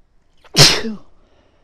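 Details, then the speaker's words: Female with a tickly nose after a long build-up of repeated sneezes: a short in-breath, then one loud, explosive sneeze; an ordinary sneeze. "Bless me. That was big. Oh god. Oh, that felt so good."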